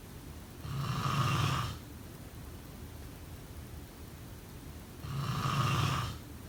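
Two long, rumbling snores about four seconds apart over faint room noise; steady snoring during sleep.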